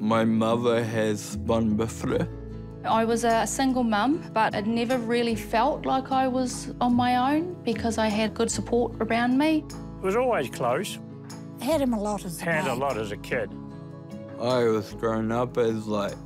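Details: Adult woman speaking; ordinary speech.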